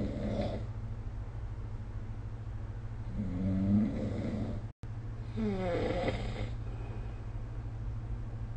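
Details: Sleeping adult snoring, recorded with a snore-recording phone app: rough, rattling snores over a steady low hum, with a brief dropout midway.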